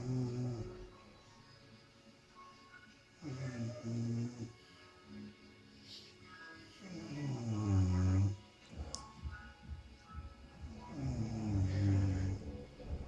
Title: Snoring mother :)